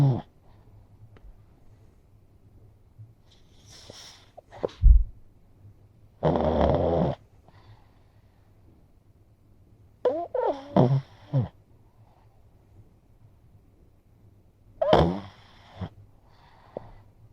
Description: Being so close, you'd think my little pug would be self-conscious and not able to sleep. Nope! Here he is, confidently snoring away.